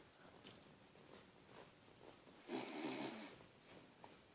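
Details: Soft, high-pitched snuffly snores with one longer, louder snore from a sleeping Bichon dog in a quiet room; snoring.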